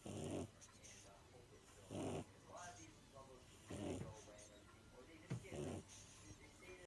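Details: Pug snoring.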